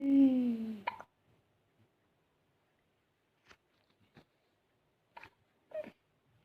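A brief voiced moan, then quiet, then four short, abrupt catches about a second apart, typical of hiccups.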